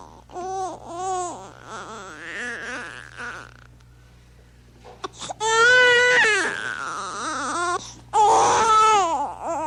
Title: Baby Crying Sound Effect